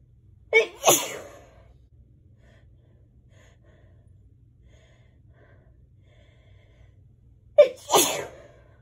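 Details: Allergy sneezes: two sneezes, each a sharp inward gasp then a forceful burst, about seven seconds apart.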